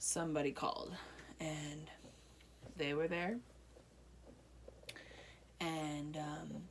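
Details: Broca's aphasia in an adult woman one year after a stroke affecting her right side, with speech improving during therapy.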